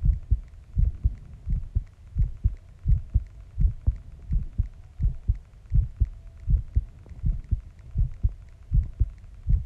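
Steady paired low thumps at about 83 beats a minute over a faint steady hum; a normal adult heartbeat.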